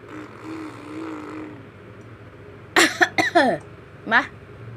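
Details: Short voiced cough-like bursts from a 7-month-old infant imitating a cough, a playful voluntary pretend cough, after quiet background noise.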